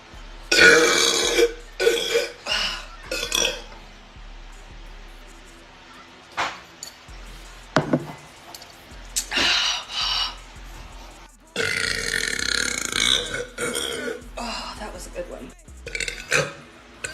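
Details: Woman deliberately burping (mentions brain freeze): a series of long, loud burps, some drawn out, with brief pauses between; voluntary belching.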